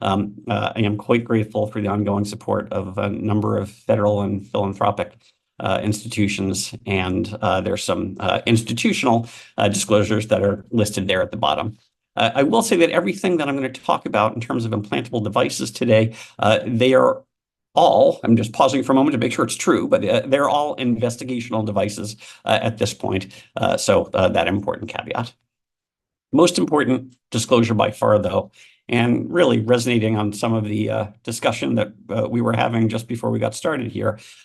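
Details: Adult male speaker; normal speech.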